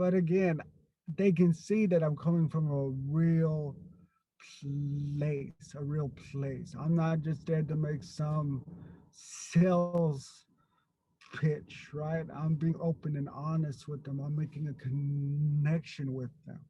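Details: Stuttering in an adult man who grew up with a severe overt stutter and still gets stuck on a word here and there.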